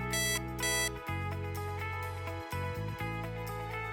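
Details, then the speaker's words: Compat Ella enteral feeding pump alarm: repeating electronic alert tone of short tonal notes, signalling pump issues such as no flow in, no flow out or door open, stopped by pressing start/pause. "calm patellar alerts users to pump issues with audio as well as with visual alarms using different colors text messages and easily identifiable symbols to help resolve problems"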